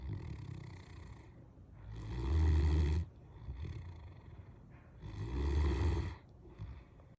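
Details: Great Dane snoring during sleep: deep, rumbling snores about a second long, with quieter breaths between them, roughly every three seconds; loud snoring.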